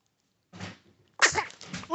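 A soft snuffling intake is followed by a sharp, hissing nasal burst and a brief trailing snort: a dog's sneeze.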